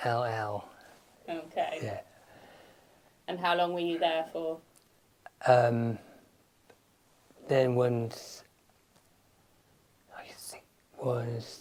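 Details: Adult man with aphasia after a stroke, speaking in conversation where the partner is not using supportive communication strategies; aphasia.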